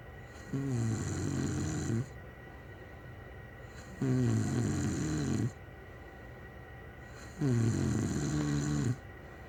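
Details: Steady snoring in bed next to the recorder: three long, loud, rattling snores on the in-breath, about 18 breaths a minute, with quiet pauses between.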